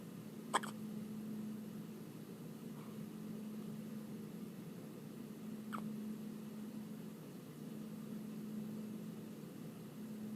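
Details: Infant hiccuping during kangaroo care, skin-to-skin on her mother: faint, brief, clicky hiccup catches a few seconds apart over a steady background hum.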